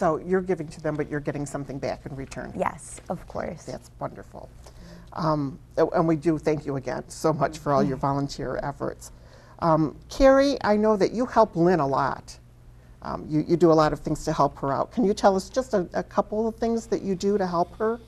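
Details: Adult woman speaking; ordinary speech.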